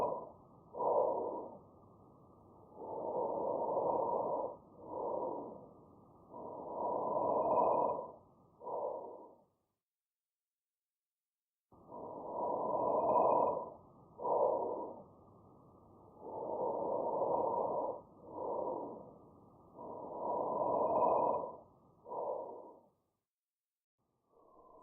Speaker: Vesicular breath sounds are heard throughout most of the lung field. They are a soft, blowing sound.